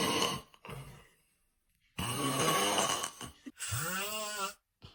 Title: I Thought There Was Construction Outside… #snoring #funnysnoring #sleephumor #funnysleep